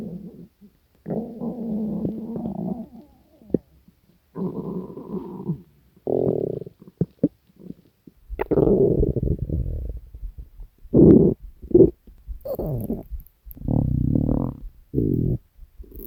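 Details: Hunger stomach growling: loud gurgling abdominal rumbles in long and short bursts with quiet gaps; borborygmi.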